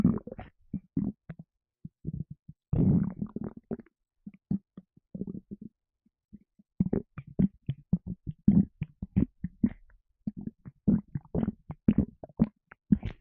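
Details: Stomach rumbling while feeling a little gassy after lemonade: rapid runs of low gurgling pops and bubbling rumbles; typical bowel sounds of stomach rumbling.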